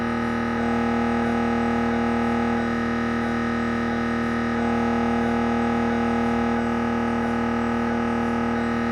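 Loud continuous droning buzz with rapid steady pulsing and a fixed tone, shifting slightly in pattern; the normal gradient noise of an MRI scan.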